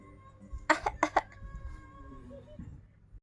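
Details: A child gives a short run of about three to four forced cough bursts, imitating an elderly person's cough.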